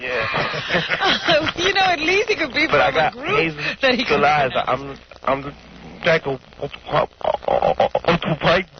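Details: Stuttering in an adult male radio caller introduced as a stutterer.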